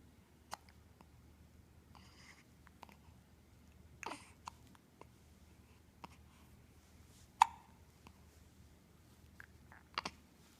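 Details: Baby hiccups: soft, sharp, regular hiccup clicks about every one to two seconds in a quiet room.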